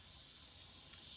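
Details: Tracheostomy suctioning demonstration, with tubing being connected to the suction unit: a quiet, steady hiss of the unit running continuously, with a brief click near the end; suction machine running.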